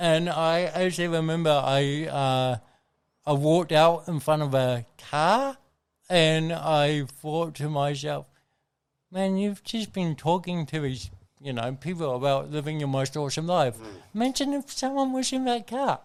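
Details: Adult man with cerebral palsy from birth, caused by oxygen loss to the brain during delivery (a brain injury); he says his thinking and articulation are intact; dysarthria (cerebral palsy).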